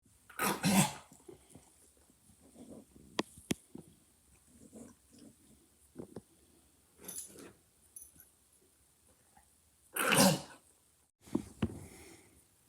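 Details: A dog that has been coughing a lot gives about four harsh, explosive coughs separated by quieter breathing and faint clicks; owner worries whether he is okay.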